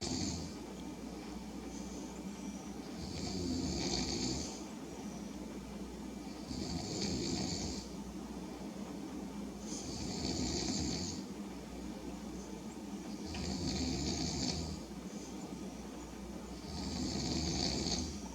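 Regular rhythmic snores with a rattly inhale and hissing exhale, about 18 breaths a minute: steady snoring during sleep.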